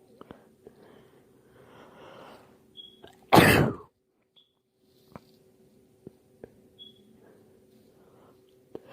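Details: Person with allergies sneezing on their birthday: one loud, explosive sneeze in a quiet room, soft breaths and small mouth sounds around it; allergy sneeze.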